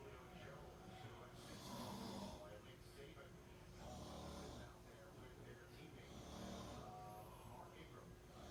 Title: Dreaming with his eyes open + snoring